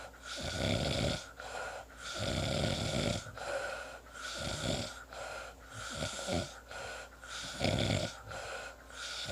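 Rough, rattling snores on each breath, about 37 a minute, with quieter pauses between; ordinary snoring.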